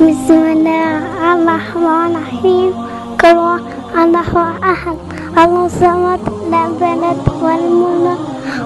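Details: Young girl reciting; speech of a child with a cochlear implant.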